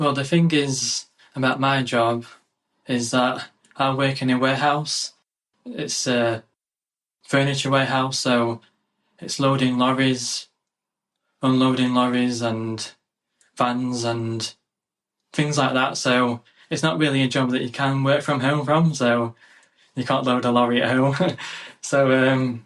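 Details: 27-year-old UK man who has always had a stammer (stuttering), had speech therapy in childhood, and has grown more confident speaking recently; real adult stuttering.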